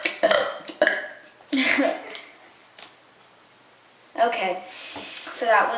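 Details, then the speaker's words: A run of short, quick voluntary burps in bursts with brief pauses between them in a small room, performed by a woman on request; rapid-fire burping. "Today I'm going to be doing quick burps. Short quick burps cuz you people keep constantly asking me to do them, so I guess I'll do them."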